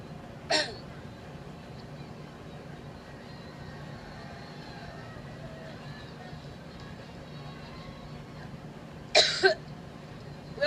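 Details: Adult speaker at an outdoor Labor Day rally in Cleveland, Ohio, during about 5½ minutes of coughing, joking of being allergic to Trump: two short, sharp dry coughs about nine seconds apart.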